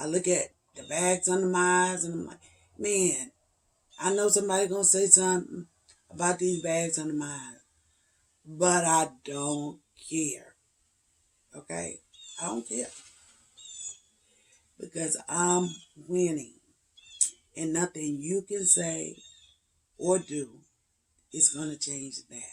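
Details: 56-year-old woman with spasmodic dysphonia and voice tremors, treated with neck injections to paralyze the muscles around the larynx every three months, the last a little over two weeks before recording; spasmodic dysphonia.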